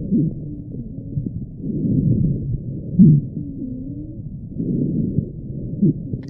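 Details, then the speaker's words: Wheezing given as an example of asthma symptoms, with breathing difficulty especially at night: musical, whistling tones over muffled breath sounds, with several sustained wheezes across breathing cycles. "तो आपको breathing में difficulty देखने को मिलती है, खासकर रात में। ब्रीथिंग के दौरान आपको व्हीजिंग साउंड सुनाई देती"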